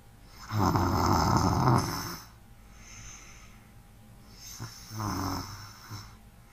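Loud rattling snore on the in-breath, a quiet out-breath, then a second softer snore. Ordinary snoring.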